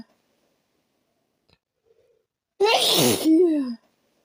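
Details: A single loud, explosive sneeze after a quiet lead-in, part of a sneezing fit with nose blowing after taking a little chhinkni (sneezing) powder; a sneeze.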